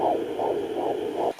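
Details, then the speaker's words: Fetal heartbeat at 16 weeks of pregnancy on an at-home fetal Doppler; rapid, regular whooshing pulses at about 150 beats a minute, within normal range. "but yeah I've been really really enjoying this and just being able to hear the baby's heartbeat is just a such an amazing sound"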